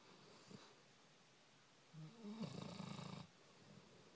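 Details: Sleeping puppy snoring: a quiet, fluttering snore, one soft breath then a longer rattling one; snoring.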